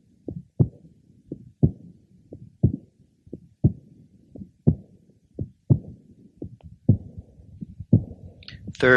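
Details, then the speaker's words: Congenital bicuspid aortic valve confirmed at catheterization: crisp aortic ejection sound after the first sound, about 60/min, easily heard over the aortic area. "now let's listen over the aoic area where the ejection sound is also easily detected"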